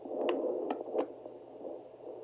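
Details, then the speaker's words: Placental swishing on a handheld home fetal Doppler pressed hard and angled low over the abdomen, 19-year-old at 12 weeks pregnant: soft breathy whooshing, with a brief quick fetal heartbeat sound; normal finding. "swishing sound is the placenta right there and that sound you heard very quickly was that quick sound that you that was the baby very late"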